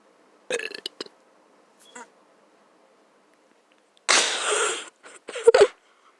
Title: Weird sneezes (the second one im am sorry😂😂 (my sneeze disappeared)